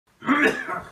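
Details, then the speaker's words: Adult podcast host coughing heavily just before going live, described as coughing up their lungs; cough. "Oh that was smooth resident just the sound of you coughing up your lungs then with your TV right"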